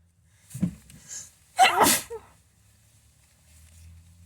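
A short intake of breath, then one loud explosive sneeze and a brief snort afterward.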